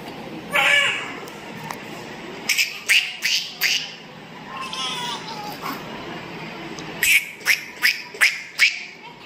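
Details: Newborn crying just after hospital delivery at 37 weeks of pregnancy: short, high, bleating cries in quick bursts, a healthy sign after birth.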